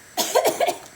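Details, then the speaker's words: A single forceful cough from a male patient told to take a deep breath and cough as his breathing tube is pulled out: voluntary cough at extubation. "Alright, I'm going to tell the patient to take a deep breath and cough, and he's going"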